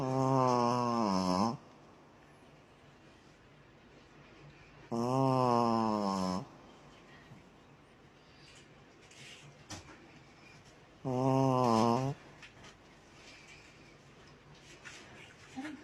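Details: Sleeping dog: three loud, rattling, voiced snores about every six seconds, roughly 10 breaths a minute, with quiet breathing between; dog snoring.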